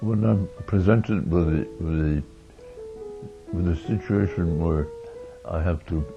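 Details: Oromandibular dystonia (Meige syndrome) affecting face, mouth and eyelids in an adult man; began in 1982 in the jaw, later spreading to the back of the neck and eyelids; treated with Botox.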